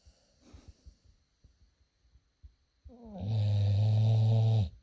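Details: Pit bull asleep: quiet soft breaths, then one loud, deep, drawn-out rumbling snore; snoring.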